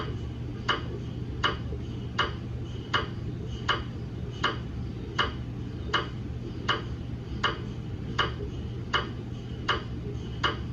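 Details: GE MRI daily quality-assurance scan using a head coil and a 150 mm head phantom, not a patient: regular knocking ticks about 80 per minute over a steady low hum; MRI gradient noise.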